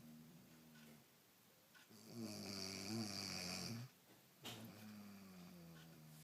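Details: Snoring person: loud, rattling snore on the in-breath with a low buzzing tone, between quieter breaths in a small room.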